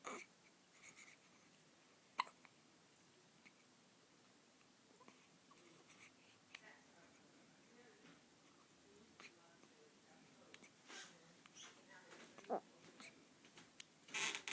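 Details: Two-day-old newborn's first hiccups after birth: faint, soft, brief hiccup sounds in a quiet room.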